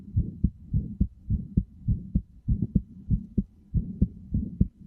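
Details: Steady, regular paired lub-dub heartbeat at about 103 beats a minute, used as a sleep sound best heard with headphones.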